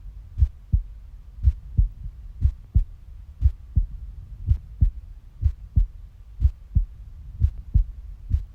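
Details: Steady, regular paired lub-dub heartbeat at about 60 beats per minute; normal heart sounds.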